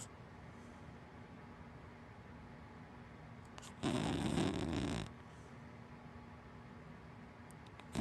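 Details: Sleeping black wiener dog–black Labrador mix: one harsh, rattling snore on inhalation lasting about a second, between quiet stretches of room noise; snoring.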